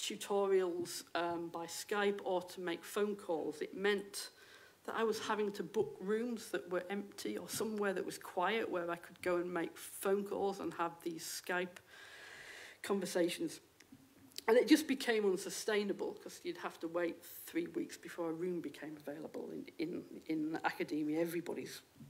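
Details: Stammering in an adult female lecturer who states she has a stammer; real, not acted.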